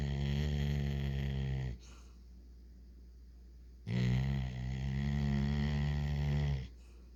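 Loud, deep rattling snores, two long vibrating breaths with a quiet pause between, typical of heavy snoring.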